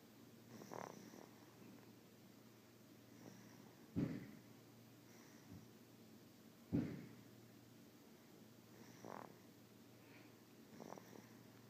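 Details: Sleeping baby girl snoring: soft, irregular snorty breaths at roughly 20 a minute, some with a brief catch, quiet snoring.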